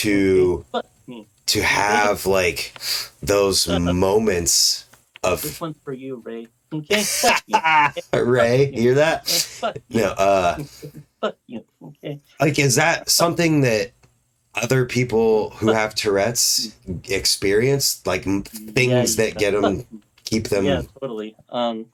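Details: Adult man speaking; typical speech.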